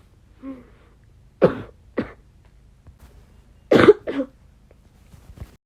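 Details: Four muffled coughs in two pairs: a persistent bronchitis cough, deliberately stifled by coughing into clothing to keep quiet.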